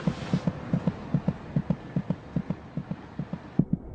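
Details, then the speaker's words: Fetal heartbeat of a female baby at 26 weeks of pregnancy, audible by putting an ear to the mother's abdomen: rapid, regular paired thumps at about 150 per minute, roughly twice the mother's rate. "The baby's heart beats about twice as fast as her mother's. Monitoring her heartbeat gives a good indication of her general condition."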